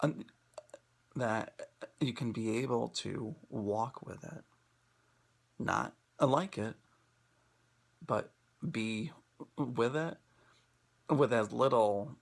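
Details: Presenter who stutters, speaking in an International Stuttering Awareness Day 2016 talk on acceptance and commitment therapy (ACT) for people who stutter; stuttering.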